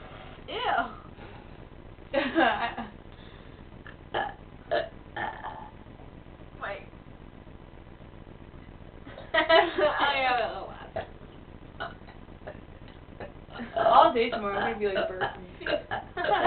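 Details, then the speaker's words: Deliberate loud, drawn-out belches with short pauses between them, made during a playful "burp-off" contest; burping. "let's have like a contest okay let's you know how they have like dance off let's do a bur off ready go"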